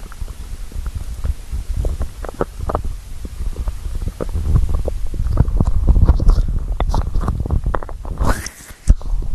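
Irregular low gurgles, rumbles and bubbling pops from the belly, ordinary stomach growling from hunger.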